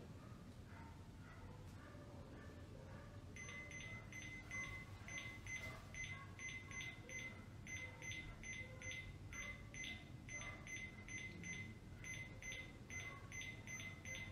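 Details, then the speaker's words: Cardiac monitor beeps at irregular, uneven spacing in a patient with atrial fibrillation, the completely irregular rhythm, in an emergency room setting. "Ó o ritmo completamente irregular eu vou colocar o barulho o pi pi pi pi pi pi pi para que vocês Ouçam a irregularidade disso"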